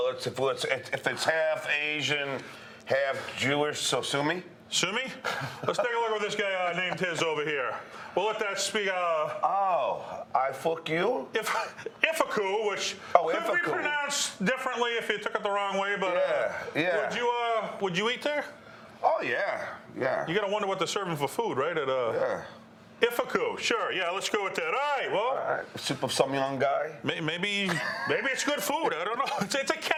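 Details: Adult men in casual conversation; ordinary conversational speech.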